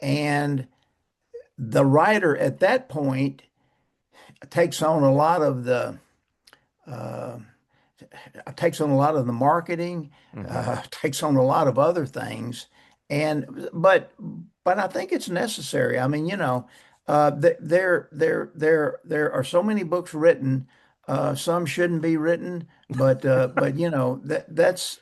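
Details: Man close to 80 who still stutters, describing mainly blocks and poor airflow with some repetitions; stuttering.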